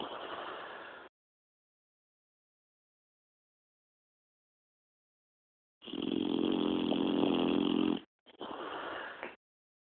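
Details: Boxer dog snoring: loud, rough, fluttering breath noises in bursts separated by a long quiet gap; dog snoring.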